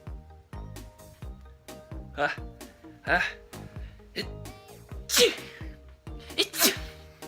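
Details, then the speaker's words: Several loud, forceful sneezes, described as uncomfortable and painful, over background music with short vocal sounds between them; sneezing. "what is that is that really how you sneeze hey these sneezes are very uncomfortable yeah these sneezes hurt"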